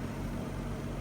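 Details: Home oxygen concentrator (up to 5 or 10 L/min model, flow typically 2–3 L/min as prescribed) just switched on: steady low motor hum of the concentrator running.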